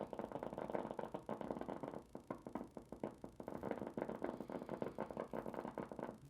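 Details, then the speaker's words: Needle EMG: rapid crisp machine-gun popping, speeding with effort, normal motor unit potentials during gentle sustained contraction after the subject was relaxed. "so i push them into more flexion so that helps them to relax a little bit those are motor units"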